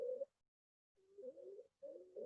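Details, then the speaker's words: Stridor in a pediatric airway context: a high-pitched, musical crowing noise with each breath from a narrowed upper airway. "এই যে স্ট্রাইডর বলছিলাম প্রথম দিকে,"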